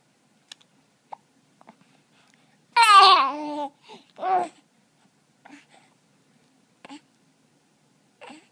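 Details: Hiccups in a baby boy after attempts to scare them away: short, sharp catches at irregular intervals between brief babbling vocal sounds.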